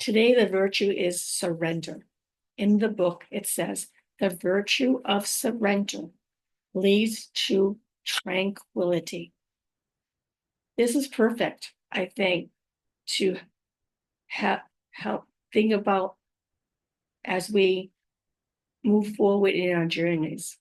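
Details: Adult woman with aphasia, apraxia of speech and dysarthria after a stroke about five years earlier; her speech can sometimes be hard to understand.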